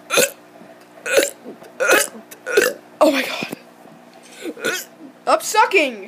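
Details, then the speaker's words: Child burping on purpose, repeated loud voiced belches, about seven in six seconds, some drawn out; deliberate burping. "what is up i'm gonna be doing a burp video finally finally okay okay oh my god"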